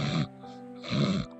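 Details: Two loud, rough, low rattling snores through the nose from an adult sleeper, snoring said to have started after beginning antidepressants, with steady background music throughout; loud snoring.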